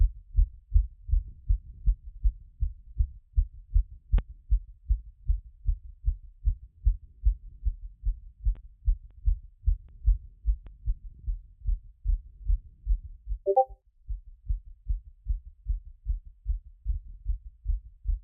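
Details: Steady, fairly quick heartbeat thumps through a stethoscope after a workout, rate settling from around 180, with one brief knock; normal heart sounds after exercise.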